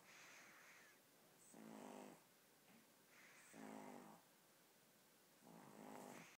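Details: 15-week-old puppy snoring while fast asleep.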